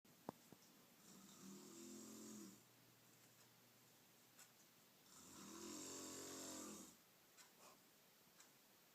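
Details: Snoring in a sleeping adult woman (mother): two long, rough snores on slow in-breaths about five seconds apart, roughly 12 breaths a minute, with quiet pauses between.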